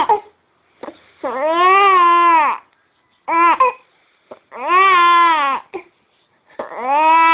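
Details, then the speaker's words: An infant who has hiccups cries in repeated wailing bouts separated by short gasping pauses while an adult soothes him, saying "stop your greeting." "Hey, come on. Stop your greeting."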